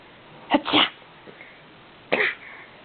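Two short explosive bursts of air with a brief intake between, then a third burst, typical of sneezing.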